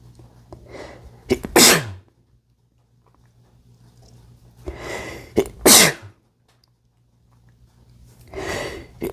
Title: sneezing (m) read description